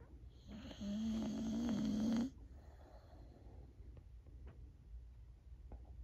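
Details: Old female Boxer, feeling a little down, sleeping: one long, rattling, buzzing snore on a breath, then quieter breathing and room noise.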